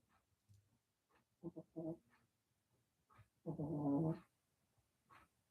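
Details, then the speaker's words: A male dog asleep in a quiet room during a live stream gives short, rumbling, fluttering snores on his breaths, the longest under a second. Ordinary dog snoring. "Yep. He's snoring. Yep. Both my dogs snore. The other one's young, but she snores and it's funny."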